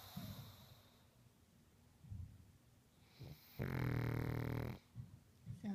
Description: Sasha the pug snoring LOUDLY, until I wake her up...and she grumbles at me.